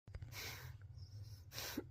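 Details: Young infant about 93 days old gives a quick sharp sneeze followed by a second breathy burst over a steady low room hum; sneeze.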